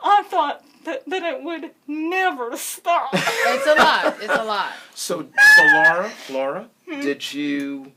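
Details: Adult woman with congenital cerebral palsy who uses a wheelchair; dysarthric speech in cerebral palsy.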